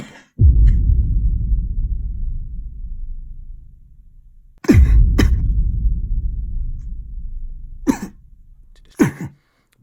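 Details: A few short, sharp acted coughs with deep booming thuds beneath the first ones, in a comedy skit about holding in a cough at school.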